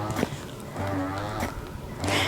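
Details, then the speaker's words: Dr. Brown's Customflow double electric breast pump on demonstration at vacuum level 12 of 12, no vibration; droning, moaning motor sound rising and falling with each suction cycle. "and we can go all the way up from one through all right level 12. that's level 12. that sounds pretty powerful"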